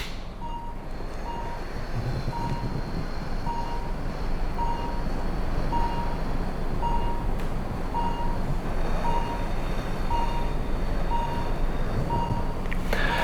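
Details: Respiratory heart rate variation heard in monitor pulse beeps during a doctor's live self-demo of anxiety-reducing breathing with EKG leads: the rate rises on the inhale and slows during a slow 10-second exhale through the mouth.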